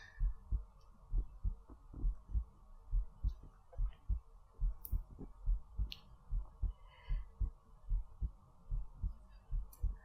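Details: Soft, steady low heartbeat thumps at about 70 a minute with a faint hum behind, in a sleep ASMR recording; regular, ordinary rhythm.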